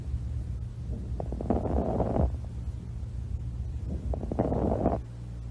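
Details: Breath sounds heard through a stethoscope with brief crackling clicks during breathing: fine crackles.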